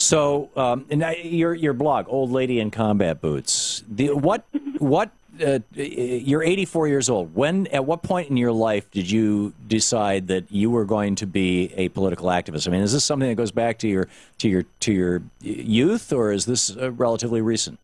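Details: Adult male speaker; normal speech.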